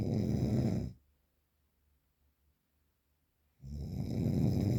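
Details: Real, unprocessed recording of very strong heavy snoring: two loud, harsh, low rumbling snores on the in-breath, separated by a quiet pause of about three seconds.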